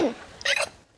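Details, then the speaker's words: A single short, high-pitched squeaky hiccup, deliberately faked by an adult woman on request, likened to a distant Chihuahua. "could I just hear the sound of your hiccup please it would be a fake hiccup but you can but yes I'd like to hear it"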